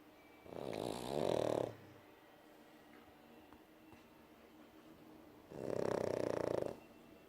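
Two long, loud rattling snores about four seconds apart, with quiet breathing between them in a still room. Ordinary snoring.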